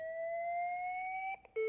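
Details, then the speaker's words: LIFEPAK 12 defibrillator/monitor in manual mode: rising electronic whine as it charges, a brief pause, then a steady alert tone at full charge prompting the shock button. "an alert tone when full charge is reached and displays the message to push the shock button"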